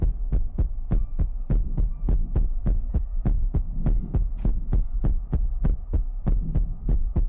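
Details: ASMR livestream with mouth sounds, finger guidance, ear picking and water-drop bottle: steady low thumping at about 100 beats a minute with a low hum behind it; heartbeat.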